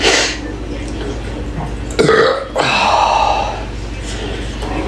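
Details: Adult man burping during a live stream: a long, loud, rumbling belch with room noise behind it.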